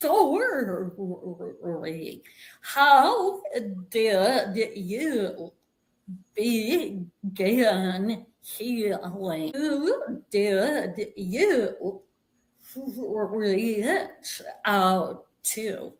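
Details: Adult woman with vocal tremor, which she attributes to over five decades of narcissistic abuse and trauma beginning at age five and affecting her body and nervous system.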